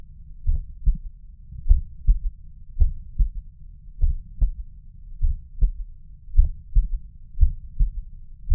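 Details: Heard at the mitral valve, slow regular low heartbeats at about 52 a minute, with a soft extra low thud after the second sound of each beat; third heart sound (S3).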